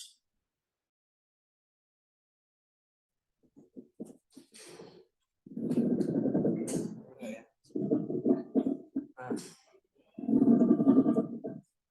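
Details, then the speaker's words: Simulator recording of a pleural friction rub, used in a respiratory assessment practical: rough, grating creaking bursts recurring with each breath as the pleural layers rub together. "nah ini bunyi friction rap ya Bunyi paru yang pleuranya bergesekkanah"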